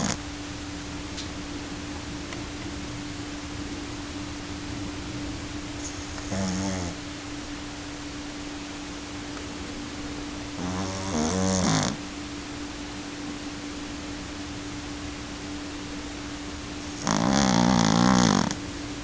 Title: dog snoring ( i love iky )